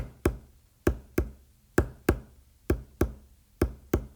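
Regular paired 'lub dub' heart sounds at about 65 beats a minute, a normal S1 and S2.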